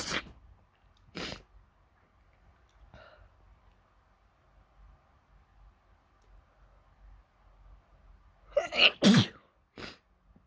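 Several sharp, explosive sneezes, two early and a quick cluster near the end, with quiet breathing between. Sneezing.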